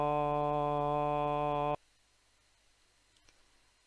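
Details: Voice tremor treated with deep brain stimulation, left-sided (unilateral) stimulation only; unilateral stimulation judged successful in controlling the voice tremor.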